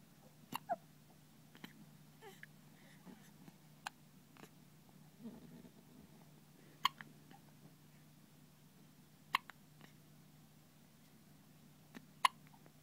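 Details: Soft, sharp hiccup sounds at irregular intervals, roughly eleven a minute, against a quiet room hum; hiccups.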